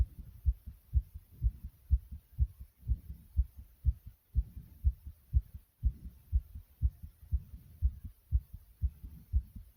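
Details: The uploader's own heart pounding hard: strong, regular low thumps at a fast pace of about 120 a minute, a forceful pounding heartbeat.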